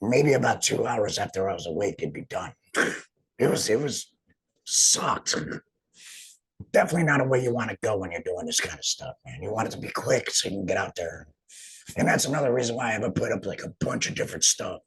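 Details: Man after total laryngectomy; finding: alaryngeal speech after total laryngectomy.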